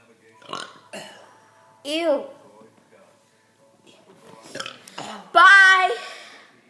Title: My bro burping again